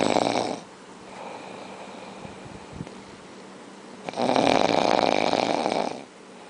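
Two loud, rough, rattling snoring breaths separated by a quieter breath-out; ordinary snoring.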